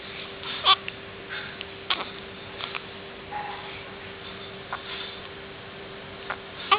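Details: Infant getting hiccups while babbling and fussing: about six short, sharp hiccup sounds in seven seconds in a quiet room; repeated infant hiccups.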